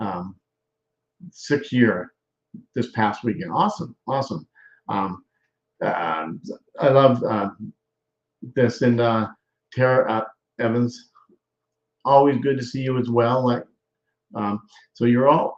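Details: Adult male speaker; aphasia after stroke.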